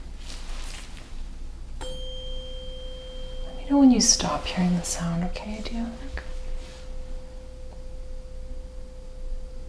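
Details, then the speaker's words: Simulated hearing check in an ASMR head-to-toe exam roleplay: a struck tuning fork gives a clear, sustained pure tone that fades slowly, with soft handling noises, while the subject is asked which ear hears it first. "ber test I'm just going to hit the tuning fork let me know if you hear it first on your right ear your left ear or both"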